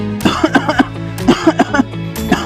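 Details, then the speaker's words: Demonstration of a non-recommended way of coughing, too hard and repeatedly without pause: about ten short, hard coughs in rapid succession with no pause, over background music; forceful repeated coughing. "Yang ketiga, pada tarikan nafas terakhir batuk dengan cukup kuat. Ulangi langkah tersebut secukupnya dan minum air hangat untuk membantu mengencarkan dahar."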